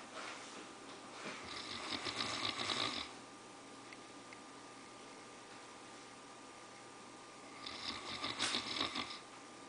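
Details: Snoring from a sleeping Newfoundland dog after a long hike: two long, rough, fluttering breaths about six seconds apart over steady room hum.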